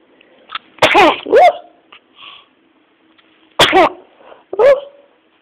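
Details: Two sneezes, each a sharp inward catch followed by an explosive burst, with a quiet sniff between them. Sneezing.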